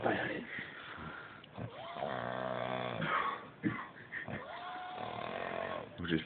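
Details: Adult man asleep in a hotel bed, snoring loudly: long droning snores with a whistling rise on each breath, about two in six seconds, over background chatter and noise.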